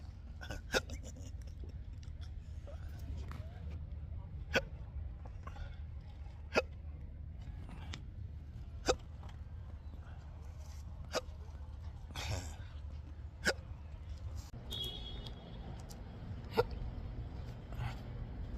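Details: Sharp, brief gulping clicks about every two seconds over a steady low hum, about eight in the span; persistent intractable hiccups in an adult with a long-standing debilitating condition.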